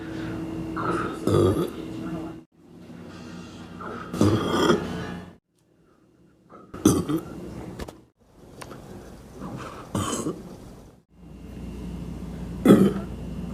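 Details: Young male, deliberate burping: several long, low, rumbling voiced belches separated by pauses; repeated burping.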